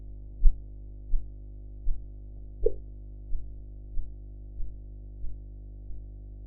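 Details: Blood pressure measurement practice with sphygmomanometer: regular soft Korotkoff sounds about 88 a minute under steady background hum.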